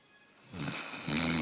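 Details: American bulldog sleeping with tongue out and sucking on tongue: two short, rough snoring breaths, the second louder; snoring.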